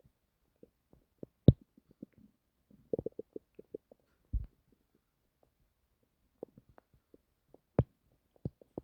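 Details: Scattered gurgles, pops and squeaks from the belly against near silence, recorded while trying to sleep; ordinary active bowel sounds (borborygmi).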